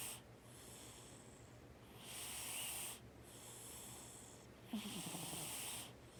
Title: Cat nap snores and wake up